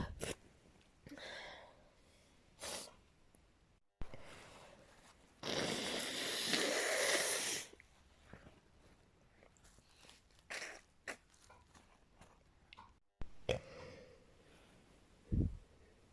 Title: extremely desperate sneezing and wet nose blowing